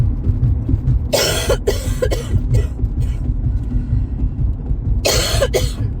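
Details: Adult coughing while driving, in the first couple of days of a cold: two bouts of harsh, dry coughing, four quick coughs then two, over steady road and engine rumble; acute cough.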